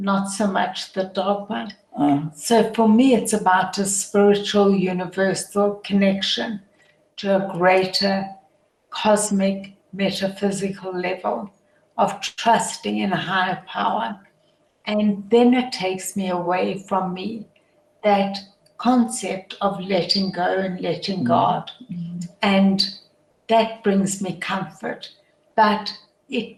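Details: Adult woman with primary lateral sclerosis, a progressive degenerative motor neurone disease affecting her voice, tongue, facial expression and vocal cords; she uses a voice amplifier later in the programme; spastic dysarthria (primary lateral sclerosis).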